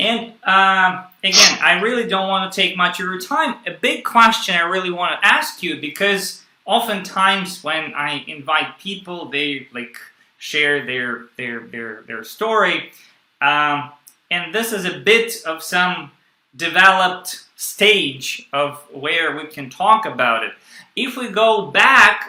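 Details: Stuttering in an adult male who works on the phone; he reports stuttering more when reading a script aloud than when speaking freely.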